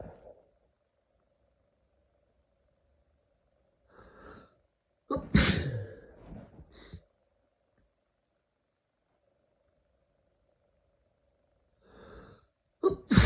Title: Intense Allergie Sneezing Fit - Niesen ohne Ende